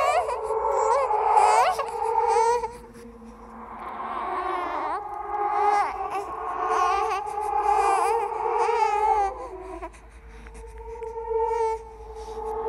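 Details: Horror sound-effect track, not a real baby: high, wavering infant cries mixed with babbling and laughter; a ghost-baby imitation of an infant cry.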